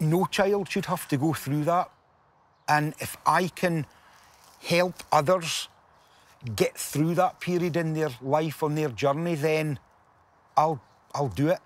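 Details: Adult man with Tourette syndrome, a genetic neurological condition, with almost no ability to suppress his tics, speaking to families at a Tourette camp; involuntary vocal tic heard mid-speech; vocal tic (Tourette syndrome).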